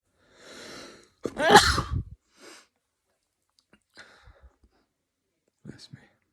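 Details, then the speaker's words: Single forceful explosive sneeze after a short breathy intake, then quiet breathing; sneezing attributed to a cold ("I think I've got a cold"), followed by "Pardon me." "Excuse me. I think I've got a cold. Pardon me."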